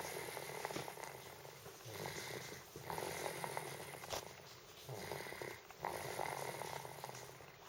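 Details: Loud snoring during sleep at night, loud enough to stop homework to record it; snoring.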